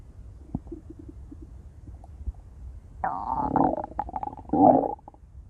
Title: intense stomach growls | (!!) - [REUPLOAD]